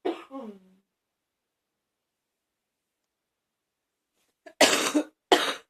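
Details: A brief vocal sound, a pause, then two harsh, forceful coughs close together from an adult who is still coughing.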